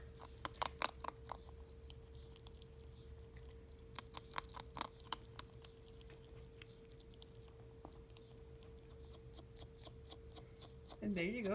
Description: My ferret Mulberry grinding his teeth when he eats.